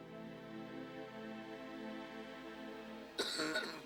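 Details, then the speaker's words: Young boy with asthma coughing; the cough is what starts his asthma attacks, which are worst at night. "It always started with a cough."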